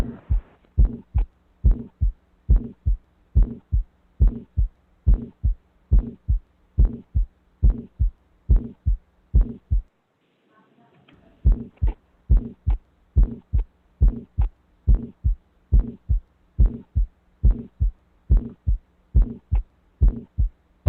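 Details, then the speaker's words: Still's murmur: regular heartbeat about 70 a minute with a soft, humming, musical, less harsh murmur, a benign innocent childhood finding. "this rumor i'm not sure if you can hear based off the audio quality but it has more of a kind of softer sound to it not as harsh a little bit more musical [Music] so this is more of a uh a benign murmur so this is actually called a stills"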